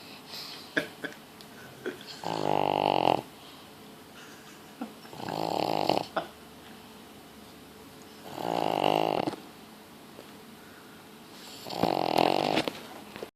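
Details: Pug snoring: four loud, rattling snores at regular breaths, about 18 a minute, with quiet exhalations between.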